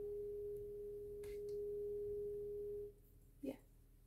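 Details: Tuning fork struck and held in a roleplayed ASMR ear exam hearing test for suspected wax-related hearing loss: a steady pure hum with mini vibrations lasting about three seconds, then stopped, with soft handling noises.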